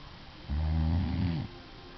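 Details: Adult woman snoring in sleep, recorded by her husband: a single deep, rumbling snore about one second long over steady background hiss.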